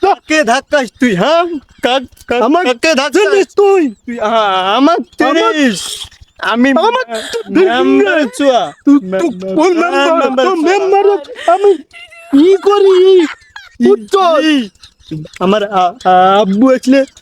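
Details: Acted stuttering: a Bengali comedy skit in which two actors play two people who stutter, bump into each other on the road, and argue.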